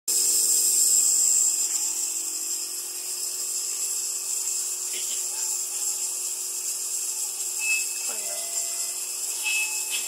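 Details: Mini Shih Tzu with a cold receiving nebulizer medication treatment; loud, steady hiss of the running nebulizer throughout with faint room sounds behind.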